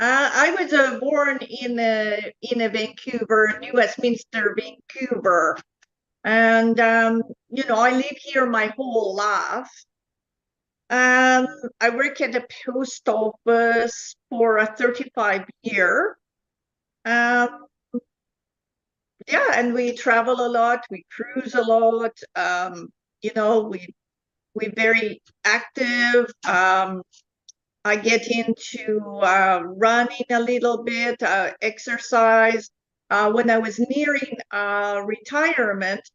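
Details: Adult woman with foreign accent syndrome since 2010.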